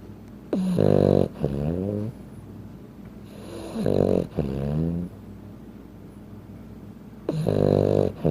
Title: Frenchton Sleeping Sounds - - MaeMae is only 15 pounds and snoring like an adult human, LOL